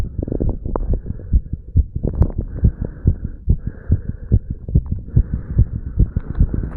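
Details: Heart recorded over the mitral and tricuspid valve areas of a 35-year-old male after pull-ups and breath holds: a fast, strong, regular heartbeat around 140/min with some rubbing noise; normal heart sounds after exercise.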